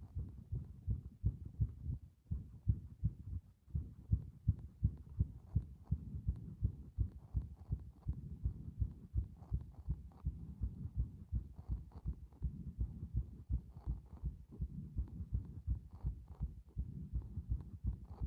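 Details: Heartbeat showing the strength of the heart muscle: steady, regular low thumps throughout, with a faint background hum.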